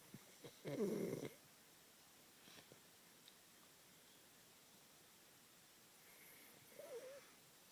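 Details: Brief snoring: one short, rough, snorting breath, then quiet and a fainter second one.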